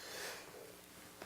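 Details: Sneeze from a TV presenter on air during a broadcast, followed by "excuse me": sneeze.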